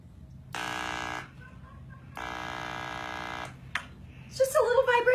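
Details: Electrolarynx device held against a little boy's hand so he can feel the vibration: two steady mechanical buzzes, a flat electronic hum without speech.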